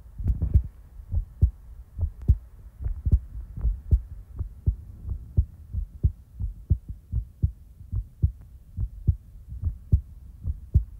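Regular low double thumps of a heartbeat at about 70 beats a minute, recorded close up.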